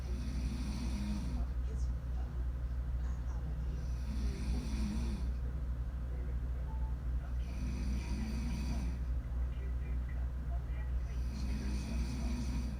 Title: Caught my mom snoring